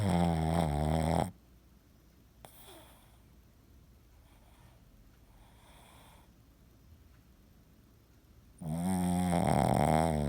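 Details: Sleeping Boston terrier, twitching and dreaming with one eye open, gives two loud, low, rattling snores separated by about seven seconds of quiet; snoring.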